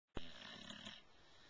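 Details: A sleeping white bulldog snoring: a single short, low rattling breath noise.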